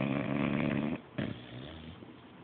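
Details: Sleeping Beabull dog (English bulldog/beagle mix): rough, rattling breath sounds, a loud stretch then a softer one; snoring.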